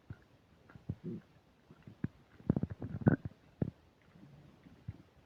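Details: Person with upset digestion eating a burger and fish fries: low gurgling, bubbling and rumbling bursts at irregular intervals, very loud stomach rumbling (borborygmi).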